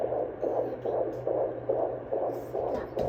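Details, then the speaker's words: Fetal heartbeat of a baby girl on Doppler at a third-trimester 3D ultrasound visit (around 34 weeks): rapid, regular whooshing pulses about 140 beats per minute, normal rate. "she sounds great guys yay and we are back from the doctors we got our 3D ultrasound we heard the baby's heartbeat and everything"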